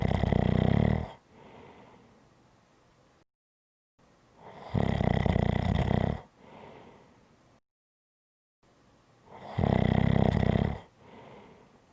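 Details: Three loud, deep, vibrating snores, each followed by a softer breath out, about 15 a minute: heavy snoring.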